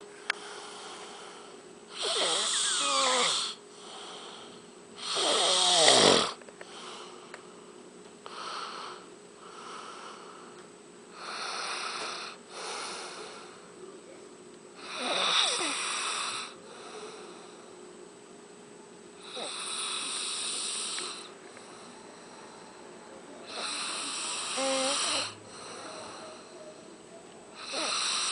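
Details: Sleeping adult snoring: loud, rough snores repeating steadily with each breath, about 13 breaths a minute.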